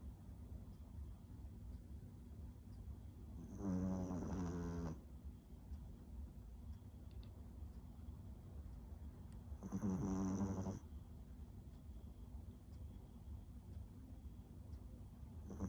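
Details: Small dog snoring while asleep: two long, rattling snores about six seconds apart, with a steady low hum in the background.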